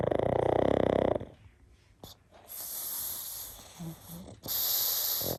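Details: Pug Murphy asleep with tongue sticking out, giving a loud, fluttering, rattling snore, then quieter hissing breaths through the nose and mouth; snoring in a flat-faced dog.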